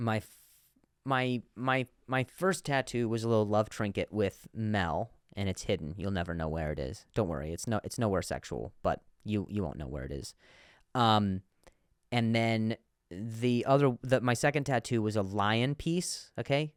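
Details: Adult man who stutters, with repetitions of words and syllables, and says some words are harder to say on some days; stuttering.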